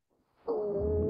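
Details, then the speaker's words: Real patient lung sound played in a VR patient simulator during nursing assessment training: after a brief quiet lead-in, a loud, steady, musical tone on the breath over the upper airway: stridor. "that strider up top. And all of these sounds are real patient lung sounds from USC."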